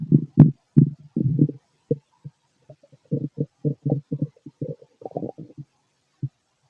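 Rapid bursts of low gurgling and rumbling from the abdomen, ordinary bowel sounds of digestion.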